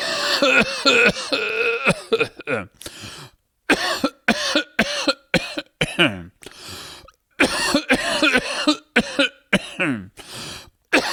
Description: just a man coughing